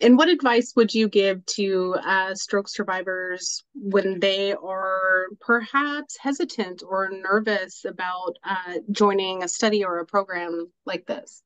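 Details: Adult woman speaking; normal speech.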